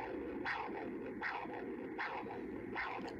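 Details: Pulsed-wave Doppler of the carotid artery on a MiniSono ultrasound system during a vascular study, with auto-calculations in live mode: rhythmic whooshing pulses at about 80 per minute, each a sharp surge fading away, normal pulsatile common carotid arterial flow.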